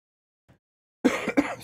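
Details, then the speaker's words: One abrupt, voiced cough or throat clear from an adult man recovering from a chest illness, after days of heavy coughing and voice loss; preceded by a faint click. "I cough so much, my voice has been gone. I sound like a robot for the past couple days."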